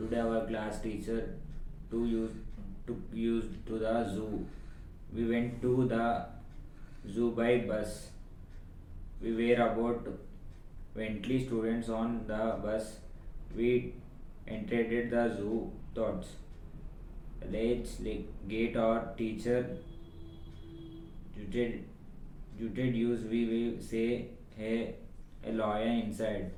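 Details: Adult patient, likely pre-therapy assessment, voice thin and high before, then became harsh, old-man-like and excessively low-pitched after thyroplasty/vocal fold surgery, with slight post-surgical swallowing difficulty; dysphonia with low pitch and harsh voice quality.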